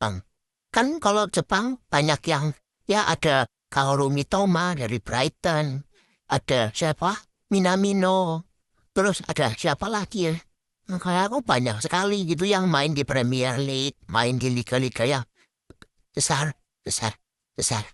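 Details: Acted roleplay of a young man with social anxiety disorder and echolalia, who repeats words until others cannot understand him; speaking Indonesian. Echolalia.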